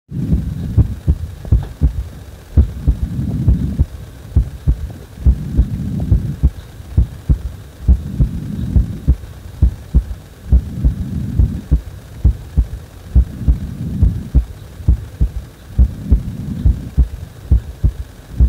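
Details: Heart speeding up on its own after chest compression: loud, fast, steady thumping heartbeat with a low rumbling hum behind it; rapid heartbeat.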